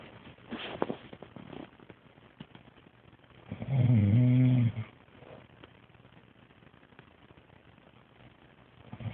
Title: Husbands snoring sounds like a cow